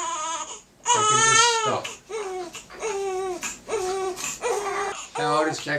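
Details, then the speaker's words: A boy, four weeks old tomorrow and delivered by forceps, gives repeated loud, high-pitched wailing cries with brief pauses for breath during a chiropractic visit. He is unsettled for about an hour and a half right after bottle feeds, and his parent calls it an uncomfortable cry. "he's on settled for about an hour and a half after a bottle so he's unsettled pretty much straight after eating yeah Australia it's really uncomfortable cry is that"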